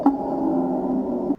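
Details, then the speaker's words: Wheeze as a lung auscultation teaching example: a steady, musical, continuous whistling tone over one breath, from narrowed airways. "wheezing keyboard here is musical it's a continuous sound because it's hurt for a longer duration during breathing think wheeze whistle like a musical"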